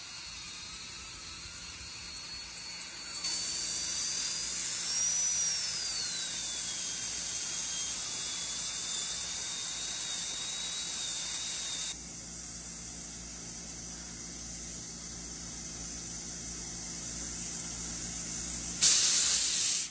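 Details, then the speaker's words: Steady high-pitched whine with hissing water spray, pitch rising and falling with load: a high-speed dental handpiece smoothing a Class II cavity preparation, removing unsupported enamel and ledges and bevelling the axiopulpal line angle. "smooth the preparation with rotary instruments high-speed with water or slow speed or hand instruments remove unsupported enamel remove steps Ledges bevel the axiao line"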